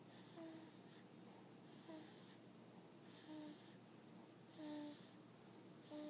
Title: Snoring